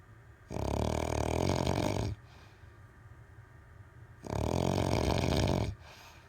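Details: Two long, loud, low rattling snores on the in-breath with quiet pauses between, about 16 breaths a minute; ordinary snoring.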